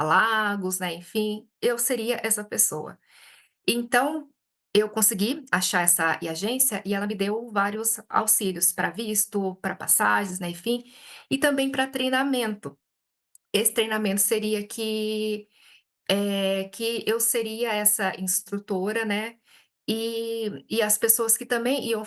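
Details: Adult Brazilian woman who stutters, speaking Portuguese and self-describing frequent speech blocks; hesitations and repetitions are heard; stuttering.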